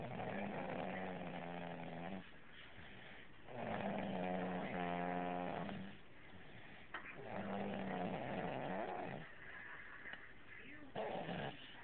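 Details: A dog, Chunka, sleeps on a couch and snores in long, buzzy, rumbling breaths with quiet pauses between, about 17 per minute: snoring.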